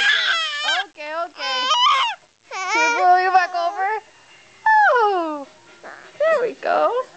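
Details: Baby during tummy time making new sounds: brief fussy cries and vocal squeals with short pauses; an ordinary infant cry.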